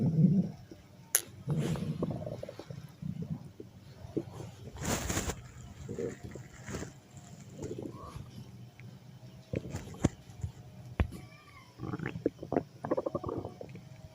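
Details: Umbrella, a cat, with loud stomach growling: low, bubbling gurgles and rumbles from the belly, borborygmi from gas and fluid moving.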